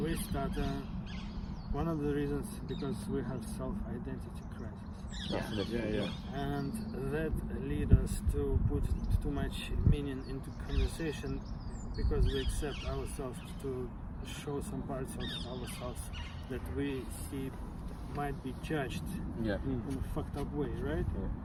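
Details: Adult who stutters and who learned stuttering-modification techniques such as cancellation from a speech therapist; stuttering.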